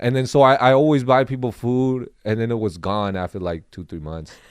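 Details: Adult man; normal speech.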